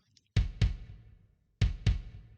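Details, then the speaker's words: Simulated maternal heartbeat as heard in the womb from about 18 weeks: two strong, slow, deep lub-dub beats, about 48 a minute, stronger and slower than the fetal heartbeat. "And how does that stronger? Yeah. And slower. Yeah. And that's when we first hear our mother's heartbeat."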